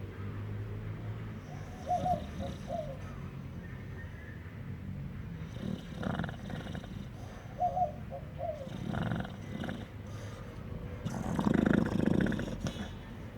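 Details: Pitbull snoring while asleep, possibly having a bad dream; low rumbling snores with each breath.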